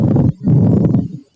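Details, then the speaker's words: A lung sound played in an EMS quiz, for a patient described as having pain in one place of the chest: pleural friction rub. "what if i told you this patient was presenting with pain in one place of their chest pleurisy no fusion plural rub that was plur that was plural rub"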